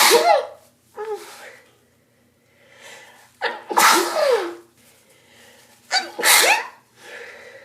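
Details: Morning sneezing fit, first thing every morning before taking antihistamines (itchy, allergy-type); several sharp, explosive sneezes, some preceded by a short inhaled breath, in a quick run.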